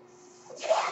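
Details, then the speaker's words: The speaker's own mechanical ventilator, noted at the close of a recorded podcast: after a quiet moment a soft airy hiss swells up as it delivers a breath. "That noise you're hearing is my ventilator."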